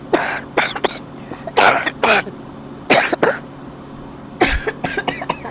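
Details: Man coughing: repeated harsh coughs in short bursts, about a dozen over five seconds, with throat clearing between; faint room and traffic noise behind.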